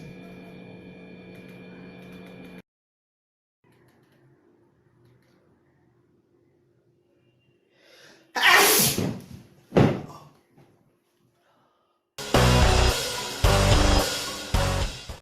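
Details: Acted comedy sneeze, public vs at home; a sharp, stifled burst, then a much louder, exaggerated explosive sneeze.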